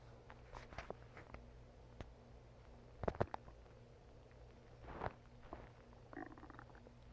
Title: Stomach growling